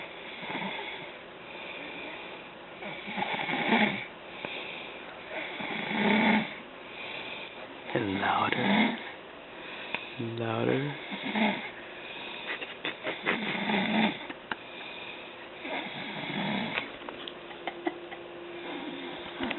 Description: haha....sawing logs